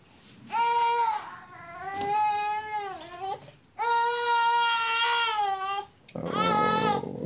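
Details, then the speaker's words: Young baby boy seen by a GP after a night of laboured breathing: high-pitched cry bouts with gasping breaths, rapid breathing and subcostal recession on each inspiration, no rash; possible lung infection suspected. "He really is struggling with the breathing, actually. Yeah. So he's sucking in underneath his rib every time he's breathing in."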